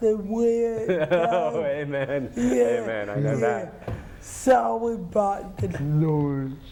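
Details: Adult woman with cerebral palsy, who says people do not always understand her; dysarthria (cerebral palsy).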